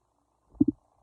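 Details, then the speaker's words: Stethoscope auscultation of a male patient's abdomen, quadrant by quadrant: a brief high-pitched double gurgle over a quiet abdomen, about 10–15 per minute in each quadrant; normal bowel sounds. "then I would note that he had normal bowel sounds, which would be high pitched and a gurgling noise that would be 5 to 30 times per minute."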